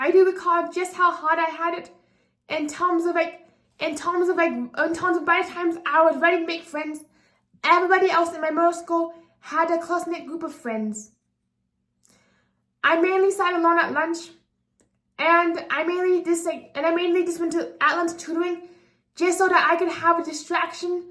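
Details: 24-year-old woman with apraxia of speech, a speech disability affecting sound articulation, speaking unscripted; apraxia of speech.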